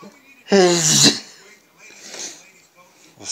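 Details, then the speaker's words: One loud, voiced sneeze with a sharp burst and a rising cry-like tone, then quiet breathing and room noise, late at night around 1 a.m., part of a nightly ritual of repeated sneezing fits. "maybe I'll do one more set of Rapids thank you and one more for the road that's six and a half minutes of evening sneezes for you guys"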